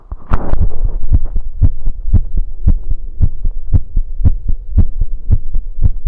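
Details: Heartbeat recorded after running: fast, regular, strong thumping at about 115 beats a minute with a low hum behind it, raised heart rate after exercise.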